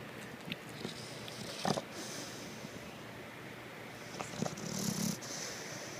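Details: Sleeping pet named Raider snorting and snoring: short snorts and a rough, fluttering snore over faint room noise.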